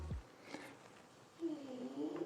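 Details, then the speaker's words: Sleeping pet dog snoring in a quiet room: a soft low thud, then a drawn-out, wavering, tonal breath sound. "I'm sorry guys if you can hear my dog snoring. He's sleeping, so sorry about that."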